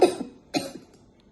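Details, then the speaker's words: Two short, harsh cough bursts with little rattle from a woman: a poorly productive, almost dry cough, which cannot be diagnosed by the cough sound alone. "эта женщина имеет кашель малопродуктивный Я бы сказала даже сухой и мы тоже не можем поставить этот кашель"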